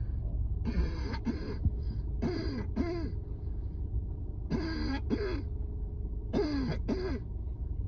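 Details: Four paired bursts of harsh, tight coughing with a strained, slightly whistling quality; a severe asthma flare-up coughing fit at work on a rooftop.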